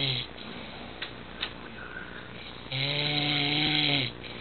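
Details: Dad fell asleep sitting up: a single low, rattling snore on an in-breath over quiet room noise; snoring during sleep.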